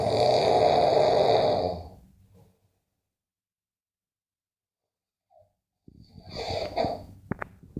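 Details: Snoring: a loud, coarse rattling breath fades out, followed by several seconds of silence before the next rough breath begins.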